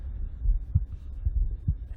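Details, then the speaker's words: Soft, muffled low thumps of a person's heartbeat recording, boosted in Audacity editing software and heard over a low hum: heartbeat. "So we're going to listen to that. You can hear it a little more, but we're still we can increase the gain here, which is the volume of the track."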